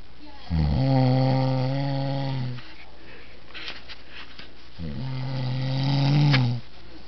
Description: My dad snoring with his mouth shut... WOW!!!!